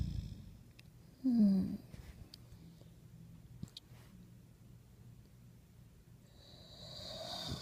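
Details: Ruby snoring while sleeping: a single brief, low snort-like snore in an otherwise quiet room.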